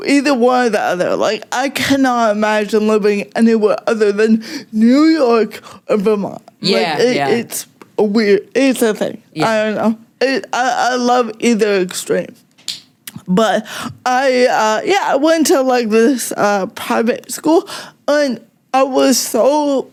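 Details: Adult woman with cerebral palsy since childhood; it mostly affects her speech and makes talking harder, and also affects her fine motor skills and her walking slightly, with no mobility aid used; real, unacted speech showing dysarthria (cerebral palsy).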